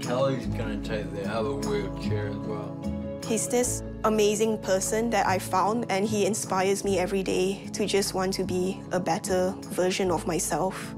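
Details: Adult speaker; ordinary speech.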